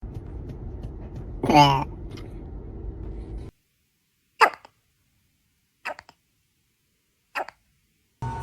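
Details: Baby with hiccups: a brief infant vocal sound, then three short, sharp hiccups about one and a half seconds apart over background noise.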